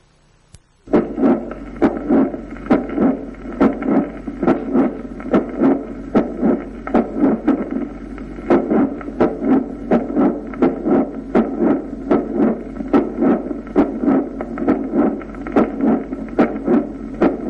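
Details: Late systolic crescendo murmur of mitral valve prolapse.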